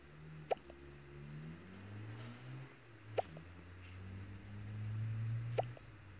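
Three sharp, brief clicking hiccups about every two and a half seconds, roughly 24 a minute, over low background rumble: hiccups.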